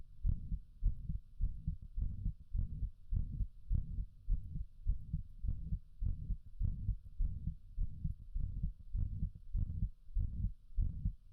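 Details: Heartbeat about 100 a minute, each beat followed by a drawn-out whooshing sound between beats; heart murmur.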